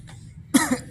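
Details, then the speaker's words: A single abrupt adult cough with a quick second push after a moment of quiet room noise, in an office during a dry season with weather changes: a cough. "lagi musim kering pada batuk guys"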